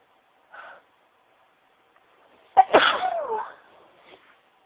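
A soft breath in, a pause, then one sharp, forceful sneeze that trails off into a voiced sound; an ordinary sneeze.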